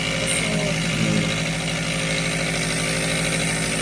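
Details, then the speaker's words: Nebulizer compressor running during a nighttime breathing treatment: steady loud motor drone with hissing airflow. "Ay kung naririnig nyo pala maingay. Dahil si Agape ay nag-nebulizer. Papausok."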